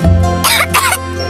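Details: Two short acted coughs from a child in a flu and cough medicine TV advert, over steady background music; cough.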